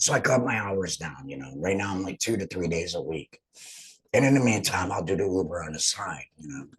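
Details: Adult man speaking; alaryngeal speech after total laryngectomy.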